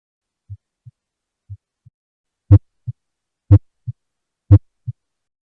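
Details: Regular heartbeat at about 60 beats a minute, each beat a paired low thump, later beats louder and sharper with a crisp first sound; heart sounds recorded from a real patient, from an auscultation training collection.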